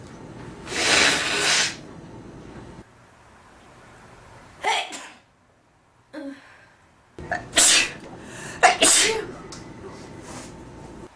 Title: Sneezing and Nose blowing at his best I Part 2